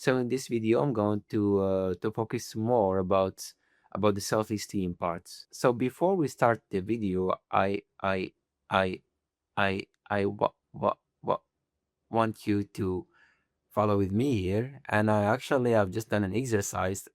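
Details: Man who stutters; sound and word repetitions; stuttering.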